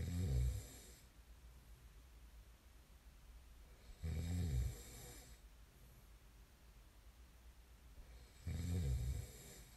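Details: Snoring ASMR recording: low, rattling snores on each in-breath, three in ten seconds, with quiet breathing between; ordinary sleep snoring.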